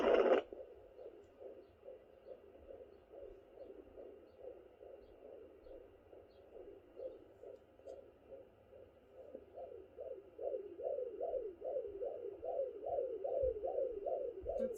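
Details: Fetal heartbeat at 32 weeks of pregnancy (fourth baby) on Doppler: rapid rhythmic whooshes, about 140 per minute, growing clearer, mixed with placental flow sounds.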